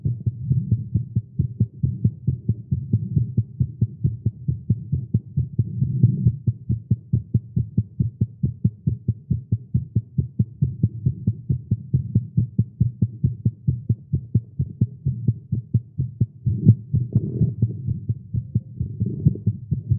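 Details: A male heartbeat recorded after exercising with caffeine, tagged as irregular and fast. There is a rapid, strong, thudding heartbeat at about 130 to 140 beats a minute, fairly steady, a fast heartbeat.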